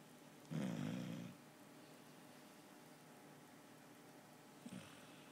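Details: Snoring from someone other than the recorder, who jokes that they don't snore but someone else does: one long, low, rattling snore, then quiet, then a brief snort begins; snoring in sleep.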